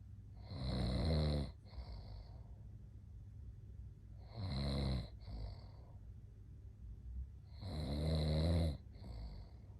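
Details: Loud, rumbling snores on each in-breath, about 16 a minute, with quiet out-breaths between, from a man asleep.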